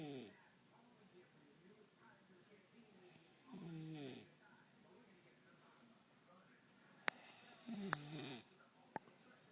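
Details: Woman snoring until her nose is pinched: rattling snores on the in-breath about every four seconds, with a few sharp clicks, in a quiet room.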